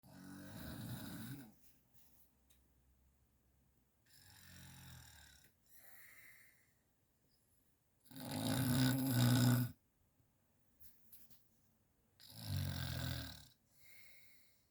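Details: Sleeping person's own snoring, recorded by their partner, which the snorer did not know about: loud rattling snores on each breath in a quiet room, about four breaths a minute; snoring.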